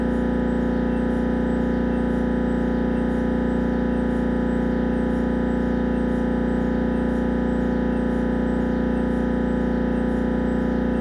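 Loud, steady, rapidly repeating mechanical buzzing and droning of an MRI scanner running a head scan.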